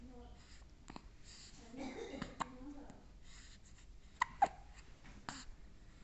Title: Why my baby is getting hiccups? #viral #hiccups